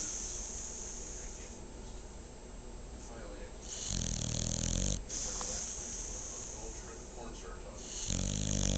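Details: Loud, low rumbling snores with a hissing exhale between them, over steady background noise, from a sleeping female dog; snoring.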